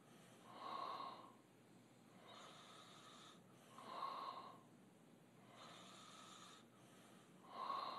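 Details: Two young men asleep, rhythmic rattling snores with a whistling edge at about 17 a minute, alternating louder and softer sleepers: open-mouth snoring.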